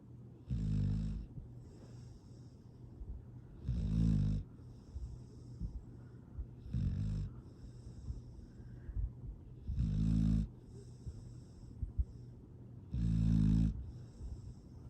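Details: Happy, relaxed sleeping dog snoring: five rumbling snores about every three seconds, around 20 breaths a minute, with softer airy outbreaths between; steady, sweet snoring.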